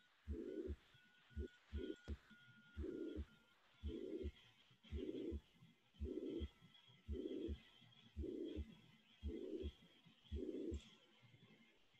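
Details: Patient with BP 98/48, pulse 113, respirations 24, SpO2 89% on 4 L, elevated JVP and bilateral crackles; heartbeat near 60/min with a blowing murmur filling each gap between paired beats, then loud handling noise: holosystolic murmur of mitral regurgitation.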